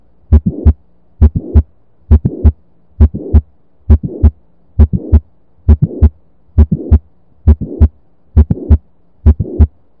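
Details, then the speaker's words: Mitral valve prolapse (floppy valve, Barlow syndrome): regular heartbeat near 67 a minute with mid-systolic click from stretched chordae and late systolic murmur from leaflet leakage, distinct from ejection systolic murmur of aortic stenosis. "that leakage of blood would result in a murmur that is called as a late systolic murmur"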